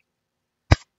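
A single abrupt, cough-like throat burst breaks the silence, an involuntary simple vocal tic of Tourette syndrome.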